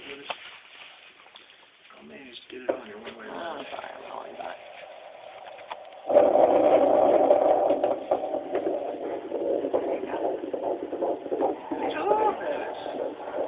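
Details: Fetal heartbeat on a handheld Doppler: fast, rhythmic whooshing pulses from the Doppler speaker at about 154 beats per minute.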